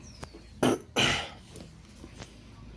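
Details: Coughing after smoking kief while gaming: two harsh, forceful coughs in quick succession, the second longer, from throat irritation.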